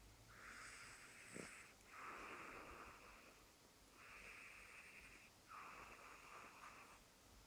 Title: Cat Lord Vader Snoring